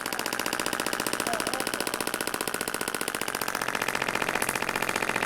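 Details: Radial shockwave therapy near the more sensitive bottom of the foot of an adult woman with plantar fasciitis for over 3 years, at 4-5/10 discomfort; rapid mechanical hammering about two pulses a second, like a small jackhammer.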